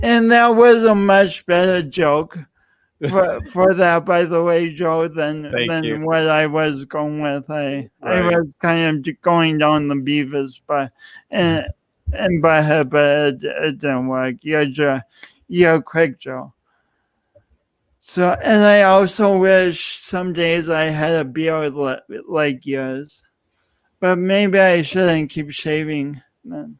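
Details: Adult male speaker; speech impediment.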